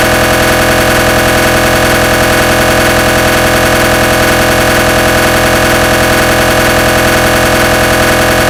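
Loud, steady, rapid mechanical knocking with a harsh buzzing drone, a simulated MRI scanner gradient sequence.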